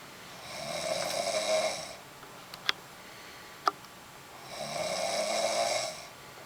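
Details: Snoring: two long, buzzing snores with a quiet pause between them and two faint clicks.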